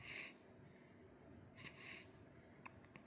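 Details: Two short, abrupt, breathy catches about a second and a half apart, with soft room noise: hiccups.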